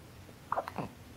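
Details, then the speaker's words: Infant boy, one or two soft, abrupt hiccup sounds in a quiet room; hiccups. "that's the manly hiccups you got there oh yeah yeah give it to me again that's what I'm talking about"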